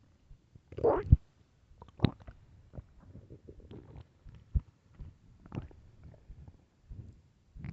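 Low gurgling rumbles with a louder squeaky growl near the start, then scattered small bubbling sounds; hunger stomach growling.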